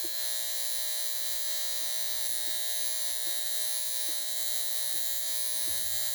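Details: High frequency facial device with precision tip, pinpointing pimples to bring them to a head; continuous high electric buzz with faint irregular ticks.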